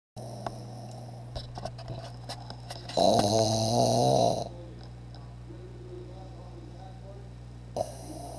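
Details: Pug snoring very loudly, and reportedly louder even when awake; the owner thinks something is wrong. One loud, harsh, vibrating breath lasting over a second, with soft room noise around it.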